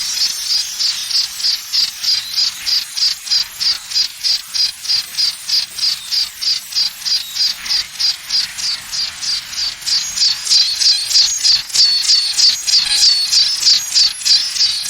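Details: Simulated tinnitus sound: steady high-pitched chirping pulses, about 200 a minute, mimicking ringing or buzzing in the ears.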